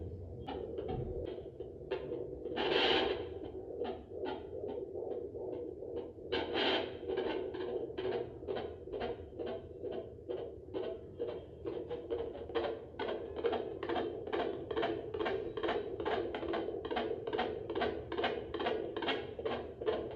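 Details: Rapid, regular whooshing fetal heartbeat, about 140 beats per minute, picked up with a home fetal Doppler; fetal heartbeat on Doppler.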